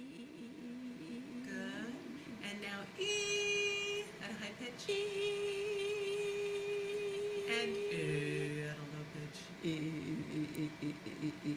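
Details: Essential vocal tremor in a woman sustaining a high-pitched 'ee' during nasoendoscopy, with tremor in the larynx, pharyngeal walls and tongue base.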